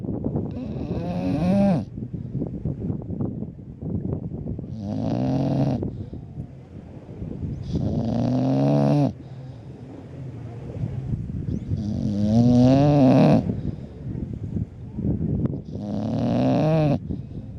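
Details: Bulldog snoring at the beach: loud, rattling snores, about 16 per minute, with outdoor wind and surf noise between; typical of a flat-faced breed.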